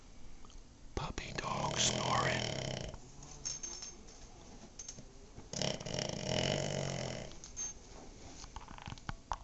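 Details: Cavalier King Charles spaniel napping: two long, rough, rattling snoring breaths about four seconds apart with quiet room noise between; snoring.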